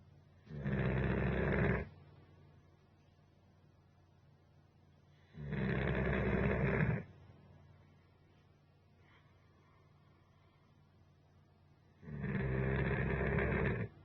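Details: Basset hound napping on a couch during a three-hour nap, loud snoring: three rough, low rumbling snores about every five to six seconds, roughly 13 breaths per minute, as loud as a human.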